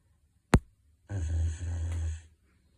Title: Giant dog snoring#dog#funny